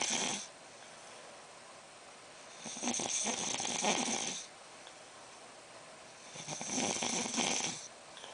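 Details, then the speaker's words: Adult man snoring asleep at 3:30 a.m., reportedly worse since his nose surgery: rhythmic, rasping, hissy snores about every four seconds, roughly 15 a minute, with quiet gaps between breaths. "now after his nose job he snores even worse so it's 3:30 in the morning he s sleep snoring that"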